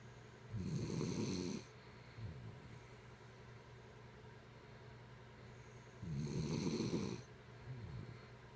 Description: Can't sleep some nights because the DOG IS SNORING!!